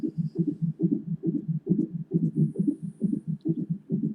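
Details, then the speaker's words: Fast, galloping whooshing beats at about 136 a minute on a fetal monitor; twin fetal heartbeats at 30 weeks of pregnancy, mother readmitted to hospital. "Isn't it funny? Some little racehorses."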